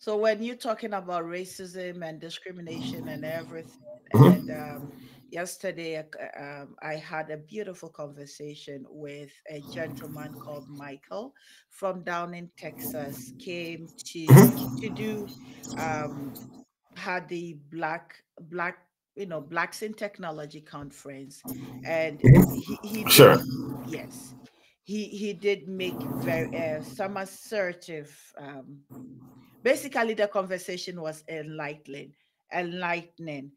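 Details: Adult speaker; normal speech.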